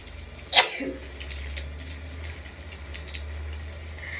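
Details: One sharp, explosive adult sneeze over steady running shower water.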